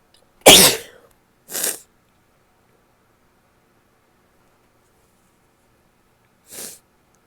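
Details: One loud, wet sneeze, a smaller follow-up sneeze, then a softer stifled sneeze in a quiet room, with nose blowing and some coughing at the end; messy sneezes.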